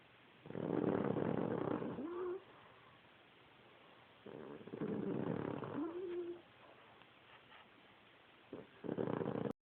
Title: Took Snoring